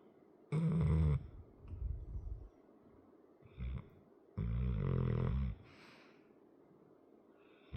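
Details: A sleeping 100 lb muscular dog with a chronic crusty nose snores loudly: low rattling snores with snorting, about 16 breaths a minute, separated by quieter breathing.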